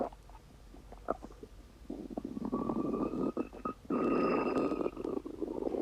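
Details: Low gurgling and squeaky rumbling of the gut, rising to a long drawn-out gurgle; normal stomach rumbling (borborygmi).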